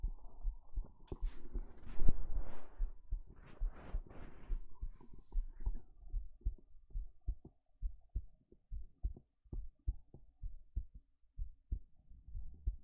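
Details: Heartbeat from an ASMR stream: repeated low thumps, described as beating slowly, with rustling and handling noise in the first seconds; normal heartbeat.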